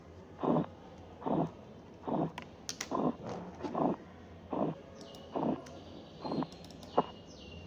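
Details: Korotkoff sounds in severe hypertension: systolic 182, sounds vanish at 170 and reappear (auscultatory gap), finally disappearing at 116.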